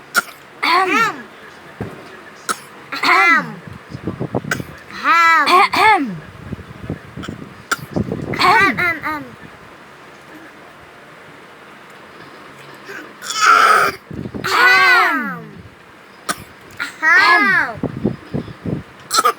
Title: A baby tries to cough (so cute)